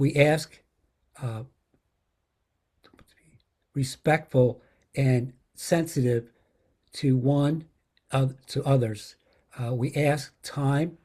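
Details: Adult woman with aphasia after a stroke, describing an object during a word-finding game in an aphasia conversation group; aphasia with word-finding difficulty.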